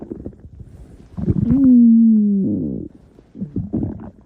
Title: Stomach Growling